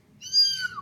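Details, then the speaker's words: Single high, squeaky sneeze with falling pitch that sounds like a kitten meowing. "What? How is that real? There's no way, dude. That sounded like a cat or like a little kitten just meowing."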